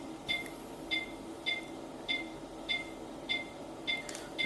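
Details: Oxymed 5-litre oxygen concentrator starting up: steady machine hiss with a regular double-tone beep about 100 times a minute.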